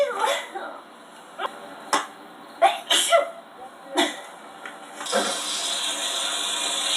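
Several sharp bursts with sniffs and breaths between them in a small room; a run of repeated sneezes.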